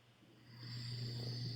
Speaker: I don't know what that means. Who was that snoring?